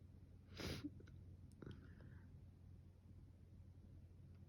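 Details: Single sharp explosive sneeze with a brief breathy tail over low room hum; part of a sneezing fit the previous day during an illness with fever, now with a sore throat from coughing and sneezing.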